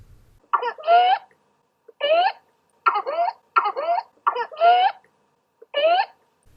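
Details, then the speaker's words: Whooping cough (pertussis) in a child: repeated paroxysmal cough bursts, each followed by a high, rising crowing inspiratory whoop. "paroxysms of coughing cause of faust inspiration that results in the inspiratory looping from which the whooping cough gets its name"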